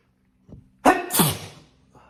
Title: More wet sneezes